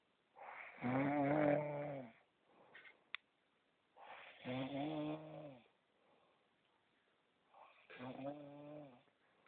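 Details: Snoring: three loud, rough, buzzing breaths about four seconds apart, with quiet gaps between them.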